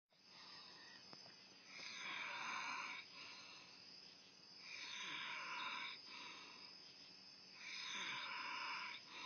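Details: Adult man passed out drunk, snoring in his truck: three long, rasping, hissing breaths at about 20 a minute, with quieter breathing between; muffled, thin recording.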